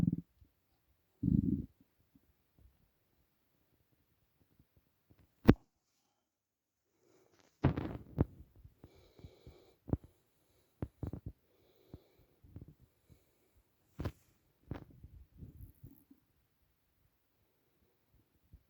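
Scattered low gurgles, pops and rumbles with quiet gaps between; ordinary stomach rumbling on an empty stomach.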